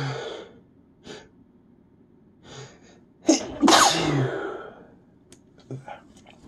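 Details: Tired adult mostly over a week-long cold: a quick breath in, then a loud forceful sneeze, with softer sniffs and breaths around it; post-cold sneezing.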